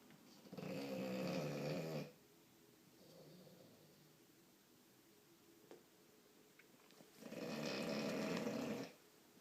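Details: Sleeping bulldog: loud, rattling snores on each breath, with a soft murmur of exhaling between them. Snoring.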